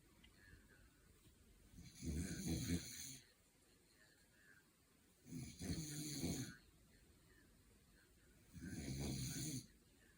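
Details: Three long, rough snores, about 18 a minute, with quiet gaps, from a sleeper in a quiet room; whether the snorer is the man or the dog is unclear; snoring.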